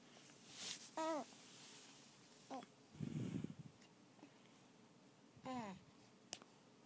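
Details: Two-and-a-half-month-old infant's sneeze: a small, high-pitched sneeze followed by soft breathy yawning sounds and quiet baby vocalizing.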